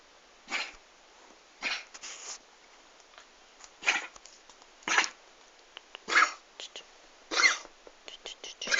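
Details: Dog with tracheobronchitis cough: repeated harsh, hacking coughs in bursts, about eight in nine seconds, constant and sounding like choking.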